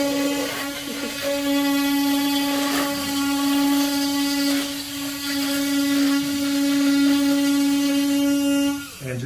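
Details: An oscillating cast saw cuts through a fiberglass arm cast at a pediatric orthopedic clinic, one side then the other; a loud, steady buzzing whine that drops off at the end, with the cast left warm.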